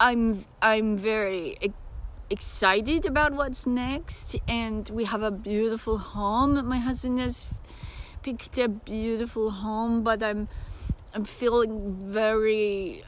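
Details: Self-described disabled woman with episodic aphasia occurring several times a day, sometimes briefly, that she says can sound like mocking a foreign-language speaker; aphasia.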